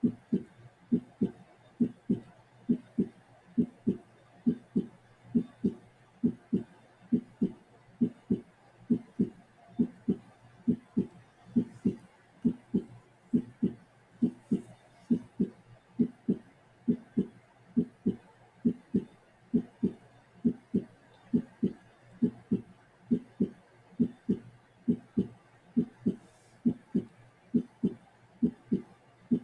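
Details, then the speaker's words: Extra heart sounds heard best at the apex with the patient in left lateral position via stethoscope; steady heartbeat near 67/min with extra filling sounds giving a galloping rhythm: S3/S4 gallop. "okay now please note when you document things like an S3 or an S4 or a Gallop or an extra heart sound you don't have to provide the diagnosis you just have to be able to recognize that you're hearing extra sounds and document what you're hearing"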